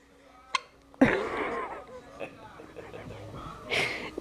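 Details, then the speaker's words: Young girl who gets hiccups often: sharp, sudden hiccups, the first isolated, then a voiced hiccup blending into vocalizing, with adult talk nearby. "what why you got the hiccups you got the hiccups are you going to stay out of the liquor cabinet huh"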